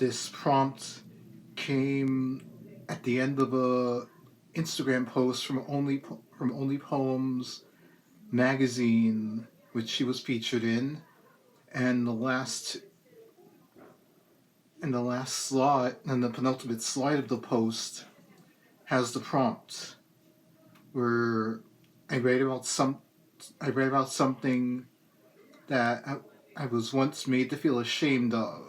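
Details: Adult male poet reading his own poem, with a lifelong speech impediment that is a complication of cerebral palsy. Hesitant, stop-start stuttering and stammering persists despite speech therapy through elementary, middle and high school. Dysfluent speech (stuttering) with cerebral palsy.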